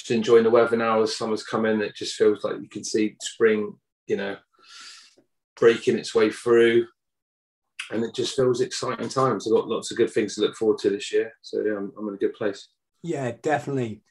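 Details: Adult male speaker; normal speech.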